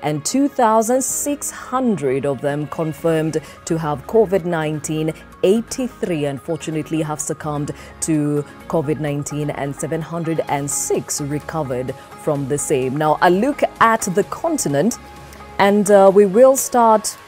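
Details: Adult speaker; typical speech.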